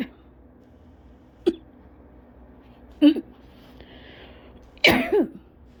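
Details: An adult gives short, dry coughs every second or two, some in pairs, in a quiet room. This is a persistent cough from cough-variant asthma lingering weeks after bronchitis.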